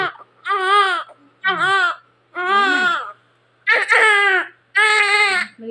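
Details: Vigorous, loud newborn cries in repeated bursts of about a second each, with breaths between, from a big 3.8 kg baby girl just born by normal vaginal delivery at 41 weeks, past the due date; a normal cry at birth.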